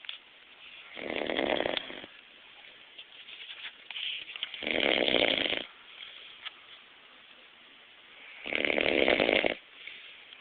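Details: Adult man snoring during a nap, loud enough to shake the house: three loud, rough snores about three to four seconds apart, with quiet breathing between them.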